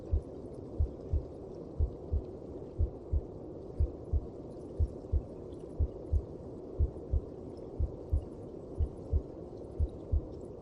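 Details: Muffled, regular low heartbeats at about 60 a minute under a dull whooshing rumble: a heartbeat heard through the mother's belly, as from inside the womb.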